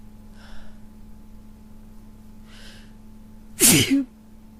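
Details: Two quiet breathy inhalations then a single loud explosive sneeze with a brief voiced burst, from someone with a cold.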